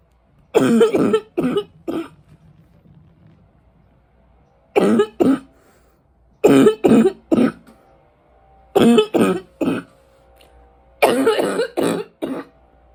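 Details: An adult smoker with winter allergies gives five bouts of deep, harsh barking coughs rattling through the chest, each bout two to four explosive bursts.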